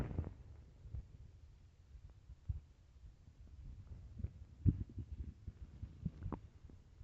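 Quiet low rumbles and gurgles with a few sharper bubbling pops, typical stomach growling.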